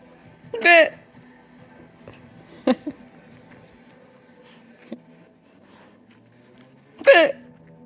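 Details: Person's hiccups: three sharp, voiced hiccups over about eight seconds, with faint background sound between them.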